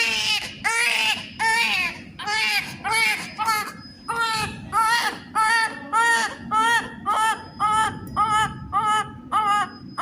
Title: Baby first crying. #Baby #newborn activities